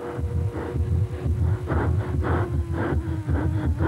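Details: Racing driver's rapid heartbeat, about 120 per minute, recorded while driving a Formula 1 car, under engine rumble and background music.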